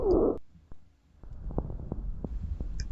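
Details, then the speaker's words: Crackling, creaking sounds from the two pleural layers rubbing in close contact on lung auscultation, indicating inflammatory or neoplastic processes: pleural friction rub. "Ruidos similares a un crujido originado por el roce de ambas pleuras cuando queda en íntimo contacto. Indica procesos inflamatorios o neoplásico."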